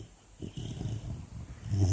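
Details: A sleeping 4-month-old female Labrador puppy with an earbud in her mouth: a brief, soft, low fluttering snore with snuffling breath sounds.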